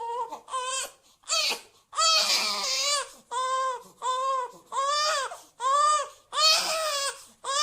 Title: Cute Oggy Crying Baby! Sound Effects Cartoon Cries of a Baby